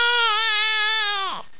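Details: Six-week-old baby girl making new noises: a sustained, high-pitched infant wail that drops off at the end; a brief cry or fussy vocalization.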